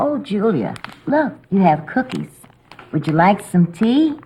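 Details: Adult woman, acted caregiver in a training scene; Typical speech.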